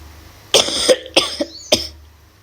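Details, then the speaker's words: Adult's lingering cough, ongoing since the day before, during Ramadan; cough. "Karena di bulan Ramadan ini aku juga lagi batuk. Dari kemarin batuknya agak selesai-selesai nih."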